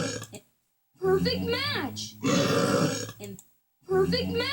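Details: Burping: two long, deep, rumbling voiced belches separated by short pauses.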